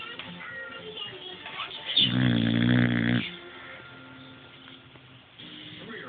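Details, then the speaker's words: Boxer dog snoring while asleep beside its owner: one loud, buzzing snore over television sound in the background. "okay so I'm laying with colada boxer and that's her snoring"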